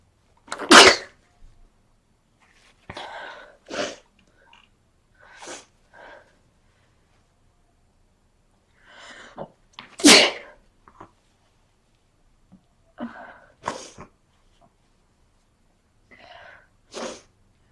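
A run of sharp, explosive sneezes, some preceded by quick in-breaths, about seven across the stretch; repeated sneezing with a cold.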